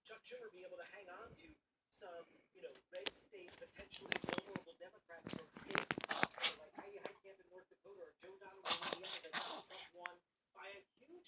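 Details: Puppy gives a run of short, harsh coughing bursts mixed with high whining vocal sounds; cough.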